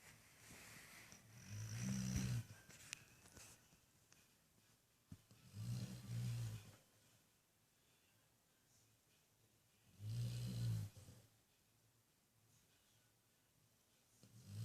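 Low, rumbling snores about every four seconds, roughly 15 a minute, with quiet pauses between.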